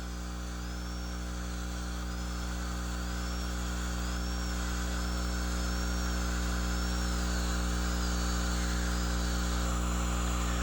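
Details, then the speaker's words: Steady high-pitched dental drill whine rising and falling as a high-speed handpiece, held perpendicular with light brushing strokes, cuts the central groove for occlusal reduction of a carious mandibular left second primary molar under rubber dam, for a stainless steel crown; dental high-speed handpiece. "Orient the handpiece perpendicular to the occlusal surface and use light brushing strokes to begin the preparation of the central groove."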